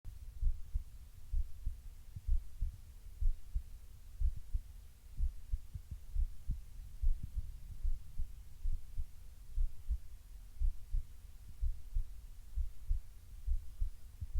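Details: Normal resting heartbeat recorded lying on the left side while breathing softly: steady soft low thumps at about 63 beats a minute with faint background hum.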